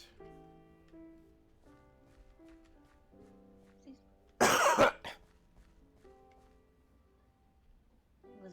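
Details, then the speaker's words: Cough during a live gaming stream, heard as painful and first mistaken for a hiccup; the person says they are drinking lots of water. "that a hiccup that sounded painful that was a cough my dear oh that still sounded painful"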